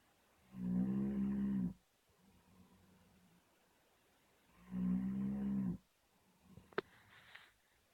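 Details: Sleeping Bernese mountain dog snoring: two long, loud, low droning inhaled snores about four seconds apart, with quiet breathing between.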